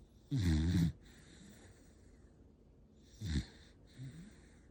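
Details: Snoring in a sleeping 8-month-old dog: two short, low, rough snorts on breathing in, separated by quiet breath sounds.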